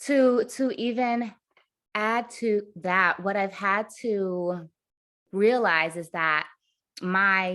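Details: Adult woman, a caregiver for her mother and grandmother, who states she stutters; stuttering.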